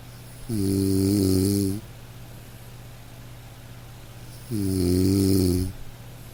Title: Snoring Sound Effect